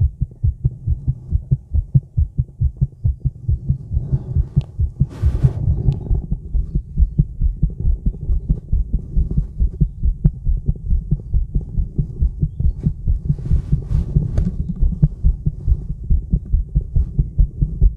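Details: Female heartbeat recorded outdoors in the woods while smoking, somewhat nervous: steady, fairly fast regular low thumps with faint gurgling stomach noises in places.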